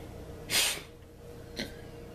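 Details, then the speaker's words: Single sharp, breathy sneeze followed by a fainter short exhalation, from an adult man during a sneezing fit while talking; sneeze. "see this is uncut and raw this is reality I'm sneezing my brains out while trying to talk to y'all and help this"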